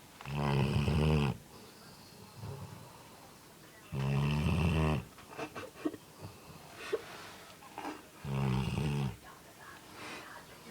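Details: A Labrador dog, sleeping after a long day, snores: three loud, deep, rumbling snores about four seconds apart (roughly 15 breaths a minute), with quieter puffing exhalations between them.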